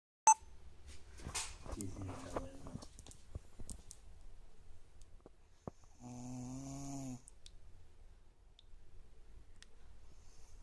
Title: Wieredest Snoring